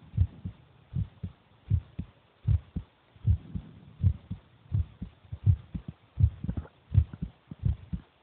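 Steady paired lub-dub heart sounds at about 80 beats a minute, with faint background noise; an ordinary heartbeat.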